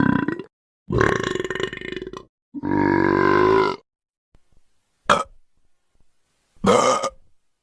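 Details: Burping sound effects; three long voiced croaking belches, then two short burps, separated by silence.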